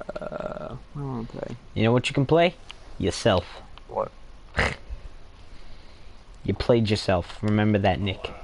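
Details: Adult male speaker; typical speech.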